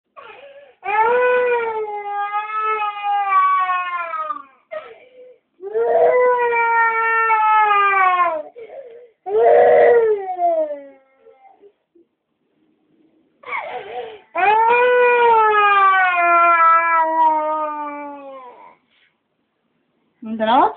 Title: crying baby